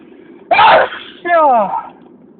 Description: I'm back with a new video with a lot of sneezes and wind (I love the wind)...enjoy!!!!!